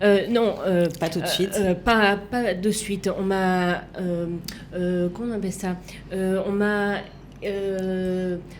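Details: Female left aphasic with right-sided hemiplegia after an accident and coma; for years could not place her tongue correctly, fought 7 years to relearn walking and speaking; aphasia.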